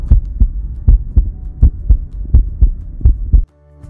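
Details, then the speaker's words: Normal heart sounds in a pet dog or cat heard through a stethoscope during a routine vet health check: regular lub-dub at about 80 beats a minute, clean between beats, with no murmur. "through the stethoscope the beating of a normal heart makes a ldub sound like"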